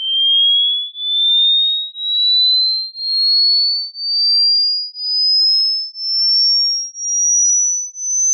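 A pure tone pulsing about once a second while rising steadily in pitch, played as a hearing test sweep.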